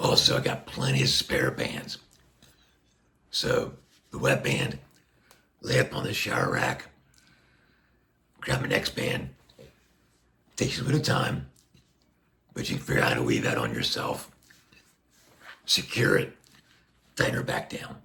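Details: Adult man speaking through a Passy Muir one-way speaking valve on a tracheostomy placed under a year ago after neck cancer surgery; he reports restrictive, squeezing vocal cords and constant pressure.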